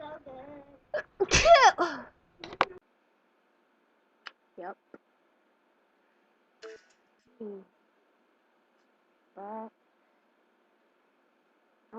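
A single loud, explosive sneeze after a short intake of breath, followed by quiet sniffs and small vocal sounds; sneezing.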